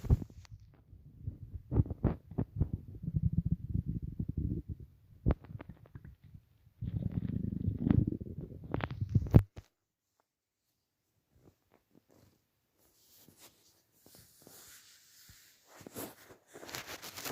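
Low gurgling and bubbling rumbles in irregular bursts, then near silence with faint rustling; ordinary stomach rumbling.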